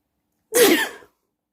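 A single loud, explosive sneeze with a brief voiced burst, then quiet.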